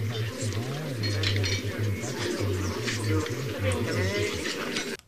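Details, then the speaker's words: Simulation of hearing loss in a noisy setting: a heavily muffled, unintelligible voice with only low tones left, buried in background chatter, showing how hard it is to follow someone speaking. "Alors imaginez ce que ça peut donner au cinéma ou au téléphone. En fait, ce sont toutes les activités qui sont compliquées."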